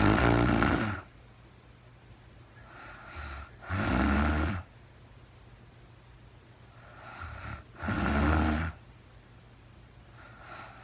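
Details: Woman sleeping, real-time recording: snoring on the in-breath alternating with softer out-breaths, about 16 breaths a minute; ordinary sleep snoring.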